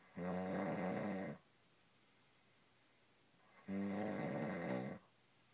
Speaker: This is my husband snoring.